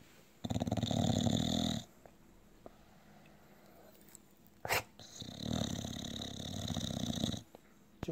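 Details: An English Bulldog snoring after eating a lot of turkey on Thanksgiving: two long, loud, rumbling inspiratory snores with a snort between them.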